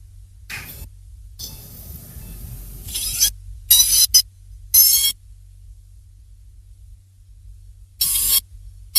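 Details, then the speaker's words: Surgical drill reducing thick sphenoid floor bone and rostrum during live endoscopic sinus surgery, right-dominant sphenoid: short bursts of high-pitched drill whine alternating with suction hiss. "you can't often take it away with the rers or the punches so you need the drill to reduce all this to reduce the spinard floor"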